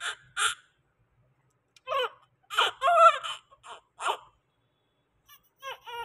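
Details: Newborn low-birth-weight baby just delivered by C-section: short, high-pitched cries in bursts with silent gaps; an ordinary first cry after birth.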